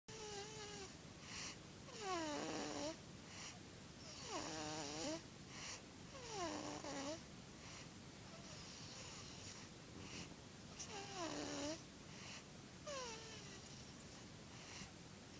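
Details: A two-month-old baby girl sleeping: repeated snoring breaths about 14 a minute, each with a whistling, falling tone and rough buzz on inhalation; snoring.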